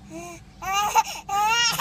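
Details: An irritated, sleepy infant cries loudly and high-pitched in two bursts with a brief pause between them, while being urged to cry louder for the camera.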